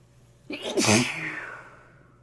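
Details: Congested sneeze: single sharp sneeze with a brief voiced catch and a wet, blocked-nose quality; sneezing with nasal congestion.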